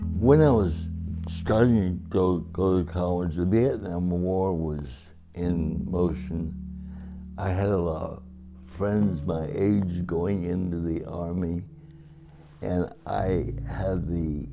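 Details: Adult man with cerebral palsy since birth after a long labour, affecting both his speech and his walking; met his wife 57 years ago; dysarthria (cerebral palsy).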